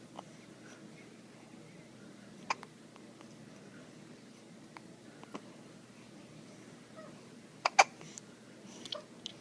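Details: Brief, sharp hiccups recurring irregularly, about six in nine seconds, in a quiet room; hiccups.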